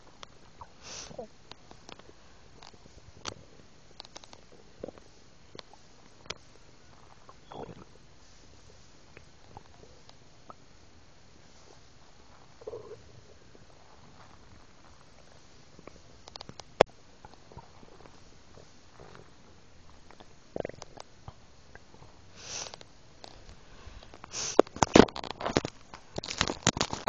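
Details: Quiet stomach gurgles and brief bubbling sounds after drinking milk, growing louder and busier toward the end: bowel sounds (borborygmi).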